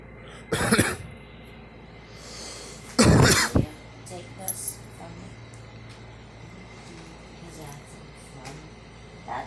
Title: me coughing